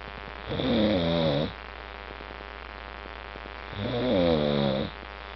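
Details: Sleeping pet snoring loudly, said to wake its roommates: two drawn-out, rising snores about three seconds apart with a quiet hum between them.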